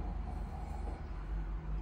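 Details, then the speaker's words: Adult imitating a snore on request during flexible endoscopic snoring and sleep apnea exam: continuous low, rough fluttering rumble; obstruction mainly nasal and retropalatal, with reflux signs. "şimdi tekrar horlar gibi yapın"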